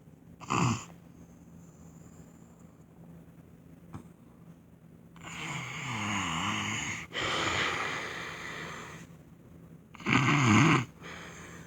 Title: My husband snores so loud part 6 lol